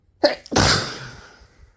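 A single sneeze: quick indrawn lead-in, then an explosive burst fading out.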